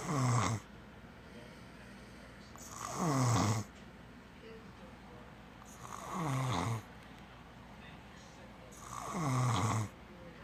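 Four loud, rumbling snores, each with a falling, fluttering tone, repeat at about 20 breaths a minute, with quiet room noise between them. Snoring.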